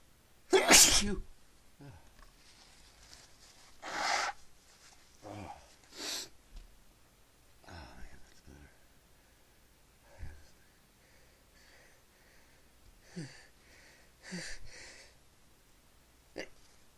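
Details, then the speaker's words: Run of sneezes after sniffing pepper, trying to clear the nose: the first loudest, then several smaller sneezes and sniffs in a quiet room. "So now I have to try and make myself sneeze to get it out of there. That's that's no problem."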